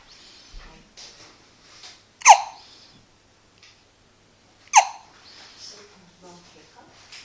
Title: Our baby boy with hiccups x